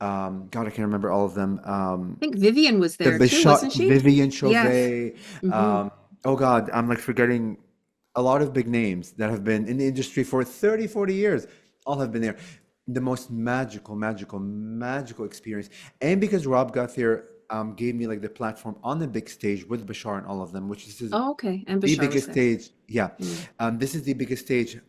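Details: Stuttering in an adult male since childhood, still present; he uses "like" as a bridge word to avoid getting stuck, otherwise going "uh" with the word not coming out.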